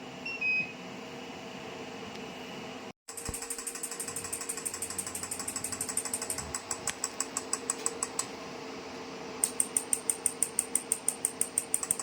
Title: Physiwave MT685 physiotherapy with dual handle magnetic 6T device install and operation pain relief